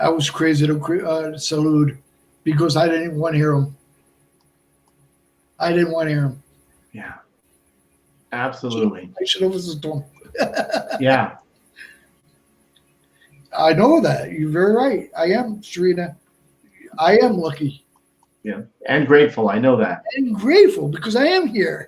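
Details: Man of about 57 with Broca's aphasia from a stroke on March 22, 2011 at age 46, more than 8 years post-stroke; also a heart transplant recipient.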